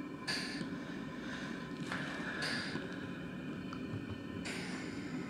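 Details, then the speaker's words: Vortran Automatic Resuscitator (VAR) hooked to a flow meter and test lung, auto-cycling: repeated hissing gas bursts every couple of seconds at a rapid rate, before the rate is slowed to about 10 breaths/min. "this is made to be used quickly so as you can see now we're getting some auto cycling here and that's really what we should have"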